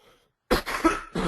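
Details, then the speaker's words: Cough from an adult speaker during a live presentation, who says their voice is strained; cough. "excuse me for coughing in your ear, guys, every once in a while, but it's just going to happen."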